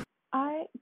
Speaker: cannot be the only one who just heard my jaw click. Did you all hear that? It hurt too.